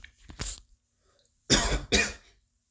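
A faint throaty sound, then two sharp, forceful coughs in close succession against a quiet background.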